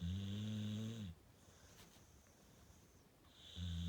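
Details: Dog snoring loudly: low, buzzing snores with a quiet pause between, then snoring again.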